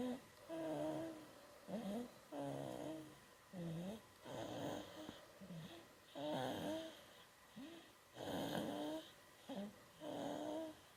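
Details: 4-month-old infant snoring in sleep: repeated short, squeaky, whistling breathing noises, about 30 a minute.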